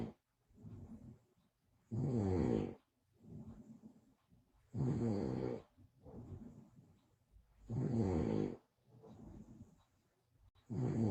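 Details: Woman snoring, caught on a live stream: loud rumbling snores on each breath in, with softer breaths out between, about 10 breaths a minute; ordinary snoring.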